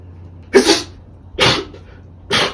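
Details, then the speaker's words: Adult man sneezing repeatedly, which he blames on allergies: three sharp, explosive sneezes in quick succession, each a burst of air with a brief voiced onset. "damn bless you [ __ ] thank you bro these allergies been beating my ass bro I swear"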